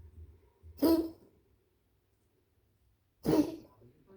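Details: Dog coughing, recorded 29.10.25 at 13:30: two short, harsh coughing bursts a few seconds apart, with quiet between.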